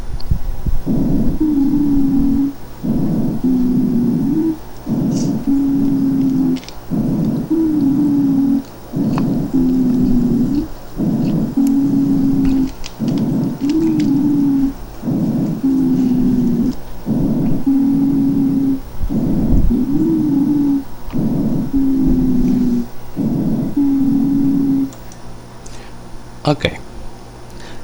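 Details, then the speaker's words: Wheezes: repeated musical whistling tones with each breath, about 14 breaths a minute, predominantly expiratory, from spastic, narrowed small and medium airways; chest auscultation teaching example. "ruth el silbido del aire al pasar forzada a través de tubos respiratorios espásticos de tubos respiratorios de un calibre muy inferior al que normalmente tiene"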